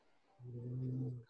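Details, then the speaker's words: Snoring from a sleeping dog: a single low, buzzing snore just under a second long, over faint room noise, first mistaken for a vibrating phone. "snoring? Can you hear my dog? Yeah, it's hilarious. At first I was like, what is that? I thought it was someone's phone, like on the phone vibrating."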